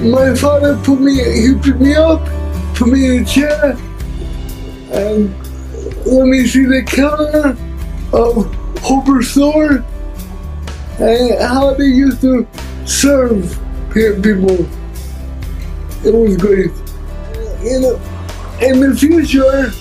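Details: Adult man with cerebral palsy who uses a wheelchair; dysarthric speech (cerebral palsy).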